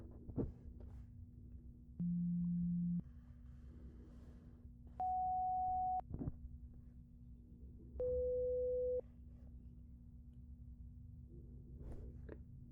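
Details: Acted ASMR hearing-exam roleplay with headphones, both-ear test before the right side: three steady one-second beeps at different pitches, separated by quiet gaps, over a faint hum: simulated pure tone audiometry tones.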